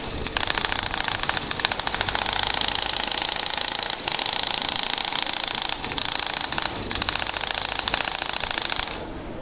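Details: Radial shockwave treatment of plantar fasciitis on the foot with a 15 mm linear head, moved up and down and shifted by 15 mm: fast rattling bursts of sharp clicks with brief pauses; compressed-air shockwave device firing.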